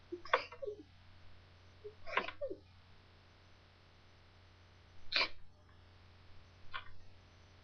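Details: Sneezing from a girl: four short, sharp sneezes spaced a few seconds apart, the last one softer, in a quiet room with a steady low hum.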